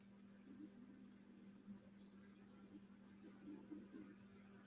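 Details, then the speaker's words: An adult's loud stomach rumble, which they attribute to being hungry: low, irregular gurgling rumbles over a steady electrical hum. Borborygmi (stomach rumbling). "I hope you guys didn't hear that that was like a very round loud tummy Rumble apparently I'm hungry"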